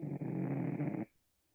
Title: Snoring into my skirt Part 2